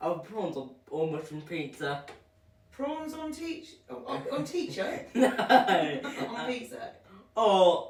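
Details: Young child speaking; speech.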